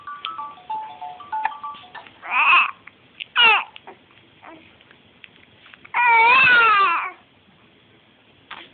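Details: Infant crying during play/mat time: short bursts of crying, then one longer wail, with faint toy music behind.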